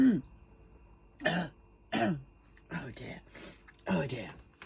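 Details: Run of about six harsh coughs in under five seconds, a coughing fit in an adult recovering from a respiratory illness, told to rest and now on antibiotics; improving but still frustrating.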